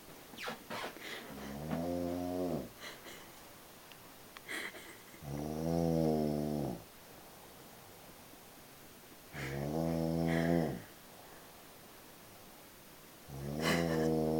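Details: Person sleeping deeply (out cold), with slow, regular, deep buzzing snores on inhalation, about 15 a minute, and quiet pauses between; ordinary snoring.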